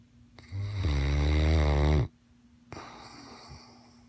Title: More snoring mastiff